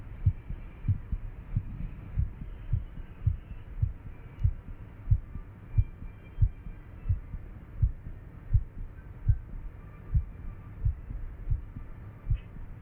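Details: Fast, pounding, irregular heartbeat: deep pounding beats at about 90 a minute with uneven spacing between beats.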